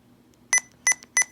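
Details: Sapphire IV infusion pump in an ambulance-service in-service demonstration: three short high-pitched touchscreen keypress beeps as preprogrammed medication dose/rate values are entered; normal keypress feedback.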